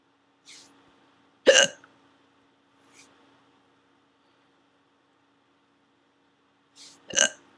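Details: Two sharp, abrupt hiccups, each preceded by a short catch of breath, in a quiet room; ongoing hiccups that had not stopped when recording ended.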